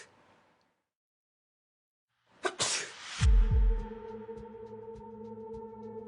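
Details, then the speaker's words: One sharp, hissing sneeze with a low musical drone behind it, from a lab experiment tracking sneeze droplets with laser beams and a high-sensitivity camera; a large droplet about 1 mm across is seen falling quickly. "the experiment starts first sneezing we can see a large droplet about one millimeter in diameter it quickly Falls"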